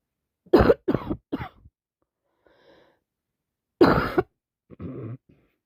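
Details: Person with a bad cold: a run of three quick coughs, a pause, then a single louder cough and a brief noisy breath.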